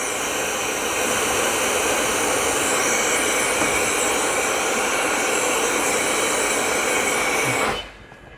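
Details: Loud, steady rushing hiss of pressurized air from a home positive-pressure ventilator, connected by air hose to a tracheostomy tube with a heated humidifier, running with its side intake air filter removed; cuts off abruptly near the end.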